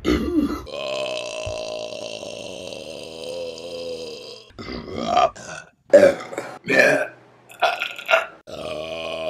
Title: Burping Compilation July #1 | RBC